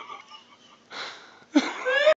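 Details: Sleeping dog snoring with short, high, squeaky, wheezy whistling breath noises.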